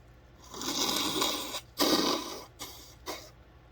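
Two or three noisy, hissing bursts with a snorting quality, fitting sneezes followed by nose blowing.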